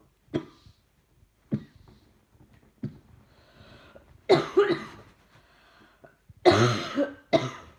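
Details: Persistent cough: repeated harsh coughs in two bouts while watching TV, with softer thumping from a puppy's tail wagging on the sofa in a quiet room.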